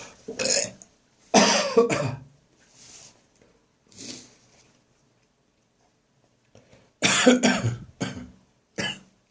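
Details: Adult whose cough returned after seeming to clear, recorded on the morning of St Andrew's Day: a coughing and gagging session. Cough with gagging.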